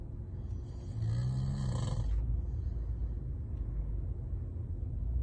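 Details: Person snoring while asleep: a single low rattling snore over a steady low rumbling background.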